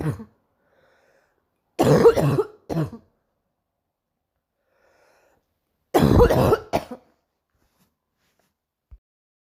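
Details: Morning cough: two bouts of harsh coughing, each a strong cough followed by a shorter one, in a quiet room.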